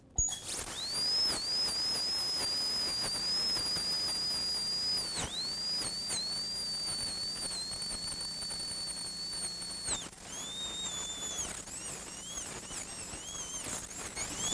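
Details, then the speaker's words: High-speed dental handpiece removing more alveolar bone and cutting a moat for the elevator during surgical extraction of a maxillary canine after elevation proved difficult. High-pitched whine in short cutting runs. "can see this time I'm also making a moat so I'm making a space for my elevator to go"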